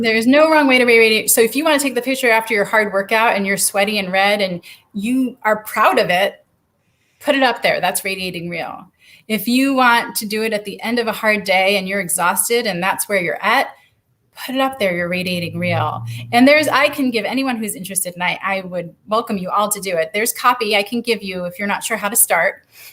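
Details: Adult woman speaking; ordinary speech.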